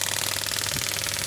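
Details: Rapid, steady mechanical rattling pulses, about twenty-five a second, from a Biotronix pneumatic (air-compression) radial extracorporeal shockwave therapy (ESWT) probe, up to 10 bar, firing continuously while shot count, energy and frequency are adjusted.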